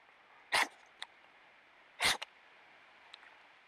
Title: Sneezing badger